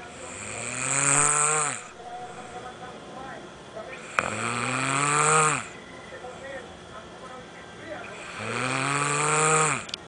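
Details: Sleeping dog snoring: three long, loud, rasping snores on the in-breath, about 15 per minute.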